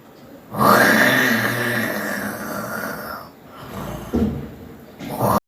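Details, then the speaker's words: Simulated snoring, a comic acted imitation of a parent snoring: a loud, exaggerated rasping snore with grunting, then a shorter snort. "Minha mamãe roncando. Meu papai roncando."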